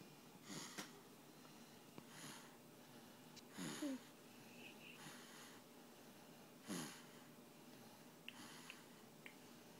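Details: Snoring: soft, irregular snorting breaths with a few brief whistling catches, about 19 a minute, in a quiet room.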